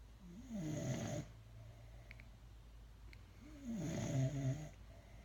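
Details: Pit Bull dog snoring: two long, low, rumbling breaths about three seconds apart, vibrating on each pass, in sleep.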